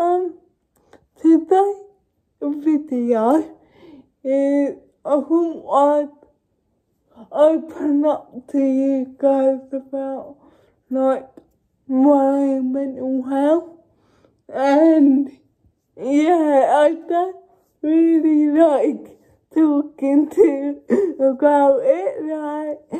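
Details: Adult woman with cerebral palsy speaking; dysarthria (cerebral palsy)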